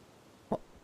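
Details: Single short, abrupt hiccup from a character during a GTA roleplay stream against a quiet background.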